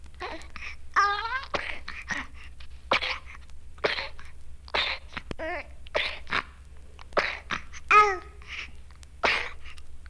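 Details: Spasmodic cough in bronchiolitis, likely RSV: a young child gives repeated short coughing bursts in runs like whooping cough but without the whoop, with crying between, in a 1970 medical film.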